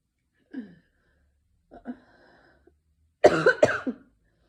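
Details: Person with a sore throat since the morning: cough.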